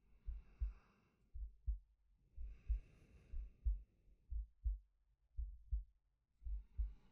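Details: Male heartbeat-and-breathing sleep-aid recording: slow, steady paired heart thumps at about 55 a minute with soft breathing between; ordinary normal heartbeat.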